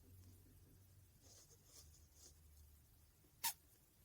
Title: Rat sneezing